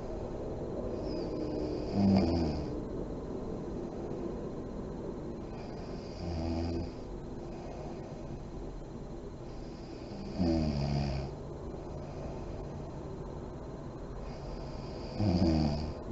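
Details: Sleeping mother in deep REM sleep, lights on: low rattling snores about every four seconds, roughly 14 a minute, with soft airy breathing between them.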